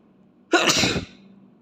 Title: Asian allergies boy sneeze 🤧